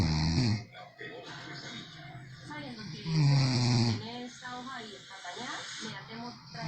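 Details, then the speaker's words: Sleeping man snoring, likened to a locomotive: loud, harsh, rattling snores with background music. "parece una locomotora ese es el compin obvio el hombre de la cola el marido de la horita el marido de la flor y entre mujeres le ganó a sánchez con ese ronquido"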